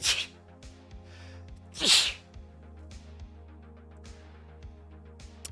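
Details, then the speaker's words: Vtuber sneezing repeatedly during a live stream: two explosive sneezes, the second with a rising vocal sound, over steady background music. "I'm allergic to the joke apparently also sneeze incoming time to write that down kinda"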